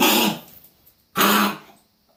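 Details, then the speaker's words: Dog foaming and trying to spit something out, owner suspects something stuck: two harsh, forceful hacking coughing bursts, like clearing the throat. "So she's foaming and trying to spit something out or something, like something stuck."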